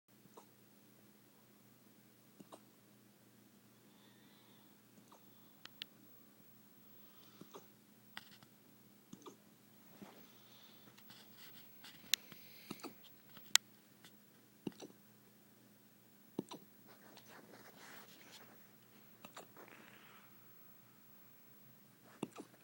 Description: The dog has the hiccups. That's it